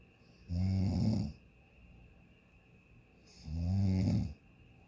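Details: Person sleeping in a hotel room on vacation, continuous "freight train" snoring: two loud, low, rattling snores on the in-breath, quiet pauses between, in a still room; ordinary snoring.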